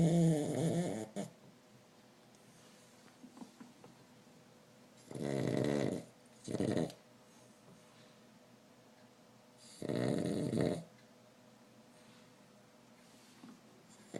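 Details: Pug taking a nap: loud, rattling snores in bursts every few seconds, separated by quiet breathing; snoring.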